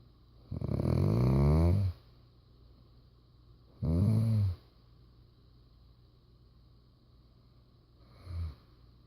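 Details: Loud, rattling snores on inhalation from a sleeping father, three in nine seconds, separated by quiet exhalations; snoring.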